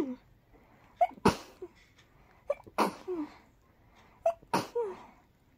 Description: Very tickly, very rapid indeed...